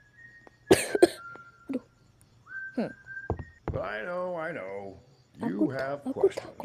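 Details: A cough from someone with a sore throat; cough.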